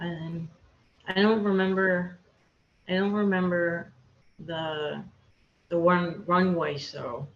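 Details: Aphasia with word-finding difficulty in a woman after a hemorrhagic stroke; she could not talk for two years after the stroke.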